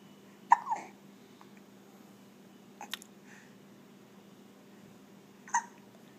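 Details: Infant hiccupping in a quiet room: two or three brief, sharp catches; hiccups.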